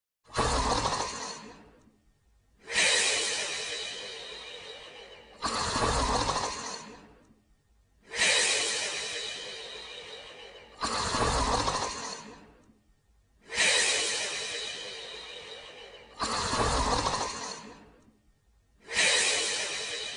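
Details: Woman sleeping: eight regular, loud, noisy breaths about 11 a minute, each starting sharply then fading, with brief silences between; heavy snoring during sleep.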